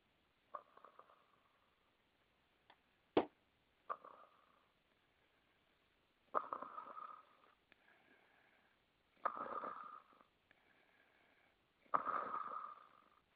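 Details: Soft rasping snores recurring every few seconds, about 20 a minute, in a quiet room; snoring.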